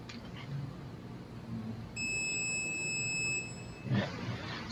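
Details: Steady high electronic tone about two seconds over quiet room noise: the beep of a therapeutic ultrasound machine during a treatment demonstration for muscle spasm or tightness, example site the lateral epicondyle.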